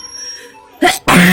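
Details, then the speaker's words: Adult with a head cold, nose full of mucus and head heavy, sitting on a balcony in cool air. Two sudden loud bursts after a quiet stretch, the second a sharp forceful expulsion: a sneeze. "তো এই যে একটা হয়েছে, গুনতে থাকো কতগুলো হলো।"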